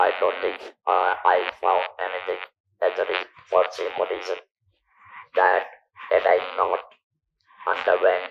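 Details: Male survivor of stage 4 vocal cord (throat) cancer, operated in 1997 (about 10,000 days earlier), natural voice lost, speaking with an external electrolarynx device; electrolarynx speech.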